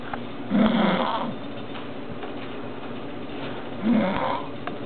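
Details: Woman snoring loudly "like an animal", with two low, buzzing snores about three seconds apart over steady background hiss.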